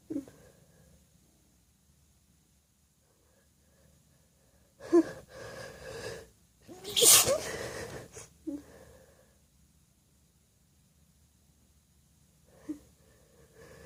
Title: Desperate Wet Sneezes